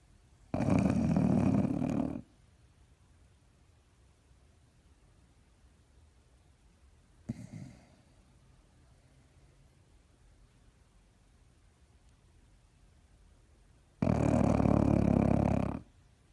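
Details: Sleeping Beagle snoring: two long, loud rattling snores about 13 seconds apart, with a faint sound between them.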